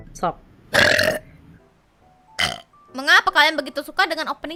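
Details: VTuber lets out two loud, rumbling burps, then brief playful voiced sounds over faint background music; burping.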